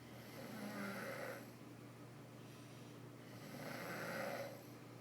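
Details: Person snoring: two soft, drawn-out snoring breaths with a gentle fluttering rasp over low room hum; mild snoring.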